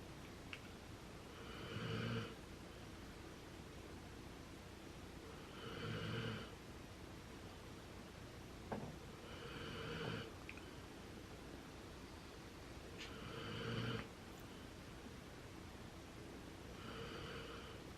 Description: Here he is sleeping next to his sister dog Chubbs and snoring at the same time.